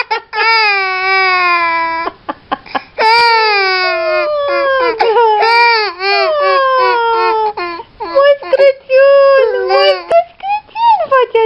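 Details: Infant crying after hearing "Merry Christmas": loud, drawn-out wails with sobbing catches and short breaths between, an ordinary upset cry.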